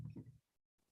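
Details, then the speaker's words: A single low, rumbling snore from a sleeping pet dog, Bubba, heard sleeping deeply rather than napping, followed by quiet. "can you hear him snoring right now he's snoring he's snoring hard he's sleeping not napping now"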